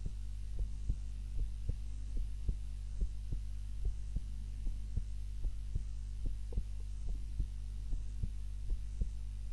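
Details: Own heart sounds recorded on a timer while napping, lying on the back (supine) rather than the usual face-down position: regular soft low thumps about 80 a minute over a steady low hum; normal heartbeat at rest while asleep.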